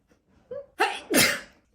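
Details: Woman sneezing while trimming and plucking her eyebrows: brief indrawn breath followed by two forceful, explosive sneezes in quick succession; sneeze attack.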